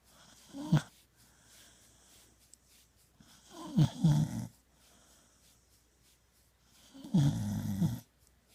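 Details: Ichi, a female, snoring: three loud, low, rattling snores about three seconds apart, with quiet breathing between them.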